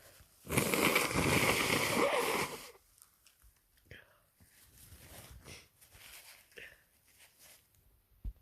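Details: Nasal congestion with sniffling during a cold with sore throat, runny nose and heavy congestion: a long, loud, rushing blast, then several short wet sniffs of stuffy nasal breathing.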